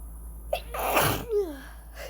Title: Strong induced sneezes. I look hilarious 🤣